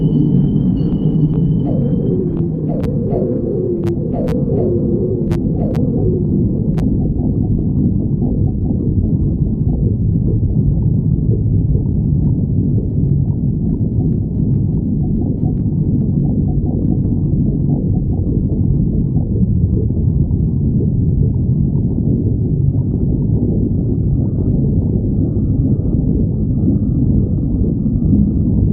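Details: Steady low rumbling with gurgling and squeaky bubbles early on: normal stomach growling (borborygmi).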